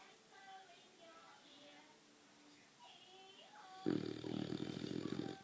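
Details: Snoring in a young boxer dog fast asleep in bed: quiet room, then a loud, rough, fluttering snore.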